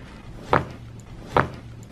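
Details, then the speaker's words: Chiropractic low back adjustment at L5, a segment described as very tight and inflamed, done on a deep breath out: two sharp cracking pops about a second apart over quiet room noise, joint cavitation. "so right here at l5 that's we're going to do the adjustment so big deep breath in and out"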